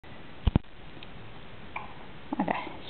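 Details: Hiccups in a 2-day-old newborn girl: a pair of short, sharp hiccup jolts, then soft noises.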